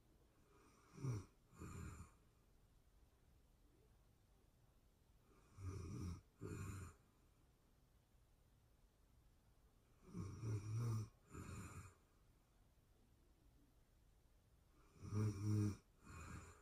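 Low rumbling snores in pairs, about four breath cycles in sixteen seconds, with quiet pauses between; ordinary snoring in sleep.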